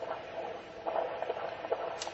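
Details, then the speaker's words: Doppler fetal heartbeat of a term baby during a pregnant abdominal examination: rapid, soft whooshing beats, a normal fetal heart rate running in the 140s per minute. "this baby's heart rates running in the 140s"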